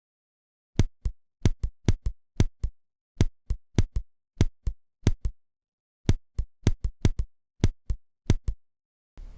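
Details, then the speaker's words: Simulated auscultation with paired heart sounds at irregular intervals, about 100 a minute: atrial fibrillation or atrial flutter with variable conduction, which cannot be told apart by auscultation. "Ну а для фибрилляции это ритм предсердий но аускультативные они будут слышны абсолютно идентично поэтому выявить аускультативно заподозрить где трепетание А где фибрилляция предсердий нереально давайте послушаем этот вариант нарушения ритма"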